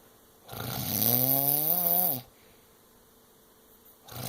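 One long, loud snore that rises into a whistling, squealing pitch before stopping abruptly, with the next snore just beginning.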